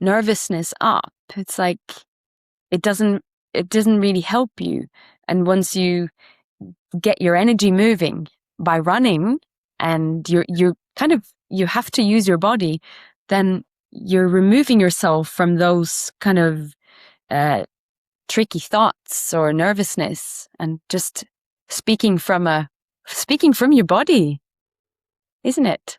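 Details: Adult speaker in conversation; typical speech.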